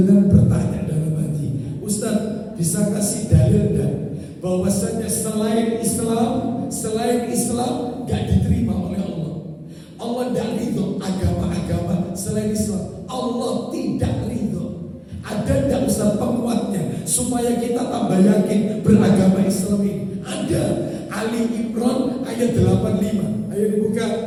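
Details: Adult male with a vocal cord disorder for almost 2 months, real, reportedly improved but still strained and forced; dysphonia.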